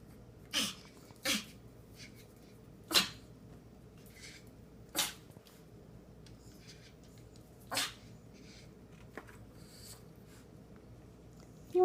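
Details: Dog sneezing fit in the morning: five sharp, hissing sneezes in quick succession over about eight seconds.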